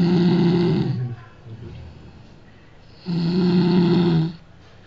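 Loud, low, rattling snores on each breath in, separated by quiet breathing out; about two snores in five seconds.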